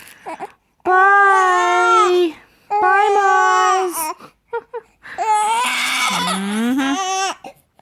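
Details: Infant crying in the chair on a cranky day, upset by recurring hiccups, with excessive drooling, possibly starting teething: three long, loud, tuneful wails separated by brief catches of breath.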